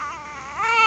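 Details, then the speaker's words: Baby sick with fever, runny nose and cough, reportedly having trouble breathing: brief cry that starts as a fussy whimper and rises into a clear, tonal wail. "Bakit masama pakiramdam niya eh ha a gusto na magsalita Sorry ayaw niya sa aun hirap makahinga ang bebe ko sa sakit"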